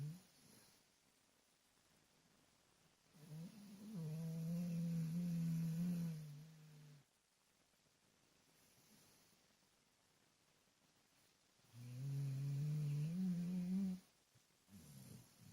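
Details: Slow snoring from a sleeping dog: two long, low, droning breaths with a humming tone and quiet pauses, about eight breaths a minute.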